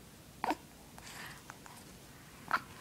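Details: Little child with hiccups: two brief, abrupt catching sounds about two seconds apart in a quiet room.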